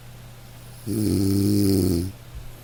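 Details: One low, buzzing snore lasting about a second, rising out of a quiet room, from a continuous snoring recording made for relaxation; snoring.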